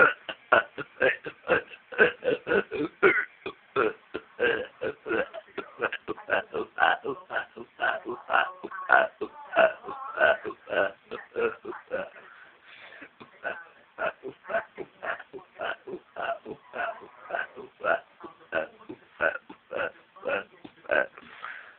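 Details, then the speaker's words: Deliberate burping done for fun: a long run of rapid, voluntary belches, roughly two a second, in a tune-like pattern. "Shall I do EastEnders tune? I do. Shall I do EastEnders tune in burps?"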